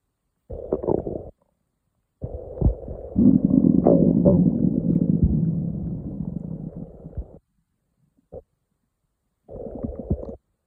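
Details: Morning stomach growling on waking: long, low gurgling and rumbling bursts with pauses between (borborygmi).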